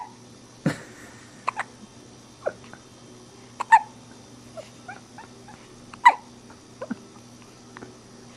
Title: Hiccup/打殪